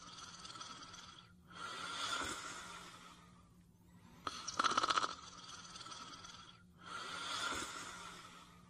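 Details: Simulated snoring, a cartoon sound effect for a sleeping character in Fafa the Explorer (1986-1989): slow, hissing breaths with a snort-like burst, about 23 a minute.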